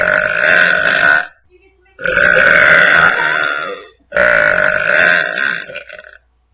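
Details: Three long, loud, drawn-out burps with short pauses between; burping.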